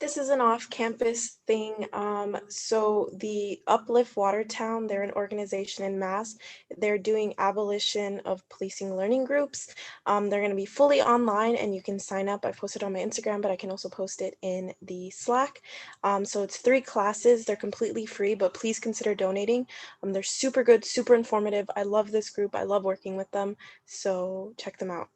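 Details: Adult woman speaking; ordinary speech.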